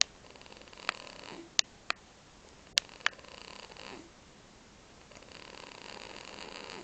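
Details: Infant snoring lightly: soft, hissy noisy breaths that come and go, with a few sharp clicks between them.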